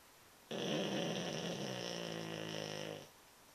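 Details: A sleeping animal, its tail twitching, gives one long, loud, rattling, buzzy breath lasting about two and a half seconds: snoring.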